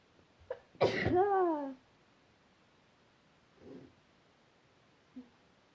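One sharp explosive sneeze with a brief voiced tail, followed by a couple of faint small sounds in a quiet room.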